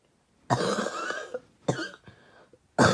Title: Trying out a new bong.. a little light coughing